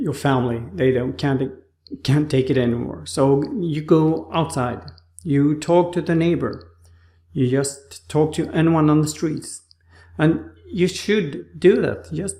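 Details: Adult man with aphasia after a stroke, in rehabilitation with therapists; his speech was like a two-year-old's on waking after the stroke; aphasia.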